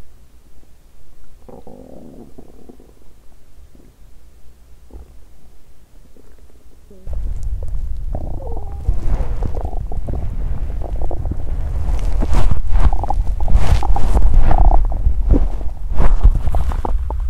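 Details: Loud hungry stomach growling (borborygmi) from an empty stomach, recorded on a day of exercising while fasting: bowel sounds.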